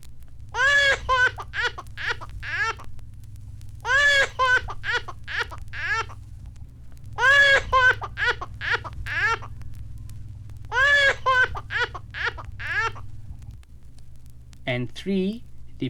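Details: Pain cry.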